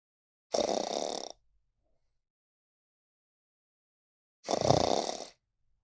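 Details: Sleeping cat: two rough, noisy breath sounds about four seconds apart with silence between; snoring during sleep.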